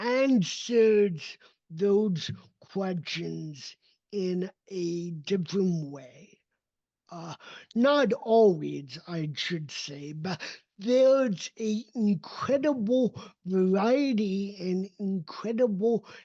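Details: Adult male with cerebral palsy, a neurodevelopmental disability affecting his motor development and movement; real, not acted; dysarthria (cerebral palsy).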